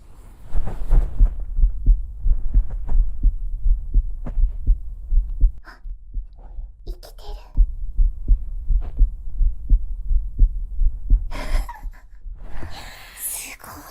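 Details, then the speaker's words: Adult woman's normal heartbeat captured with a binaural ASMR microphone, steady soft double thumps at about 86 beats a minute with faint rustling. "私の栄養聞こえたよね。聞こえた。つっとつっとつっとすごい。いいですね。これは今の私の心音、すごい。"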